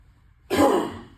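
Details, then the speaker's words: Huff cough demonstrated on purpose in airway clearance teaching for a 35-year-old male with 5 days of fever, productive cough and dyspnea: one forceful open-mouthed huff after nasal inhalation. "And then we'll follow with three highle puffing, which is also known as coughing."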